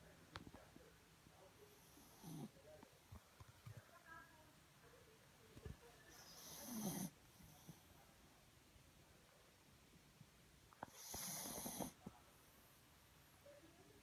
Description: My pomeranians mochi and Kona sleeping and snoring